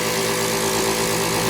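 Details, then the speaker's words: Steady motor hum with constant buzzing from a Compact nebulizer compressor (model COM 101) switched on after a switch repair; the device is working again. "Ngayon subukan nating isaksak guys. Yan. Tapos i-on natin. Yan. Gumagana na siya."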